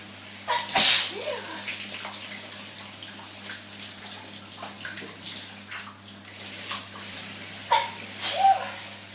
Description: incredibly sneezy in the shower so recorded on my phone for you all..... the sneezes at the end which are muffled are because i'm sneezing into my bath towel as I dry myself off....... hope you enjoy